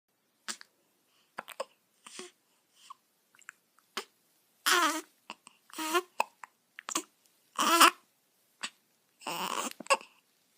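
Repeated short, abrupt bursts from a newborn at irregular intervals, with brief voiced catches in a quiet room; typical infant hiccups.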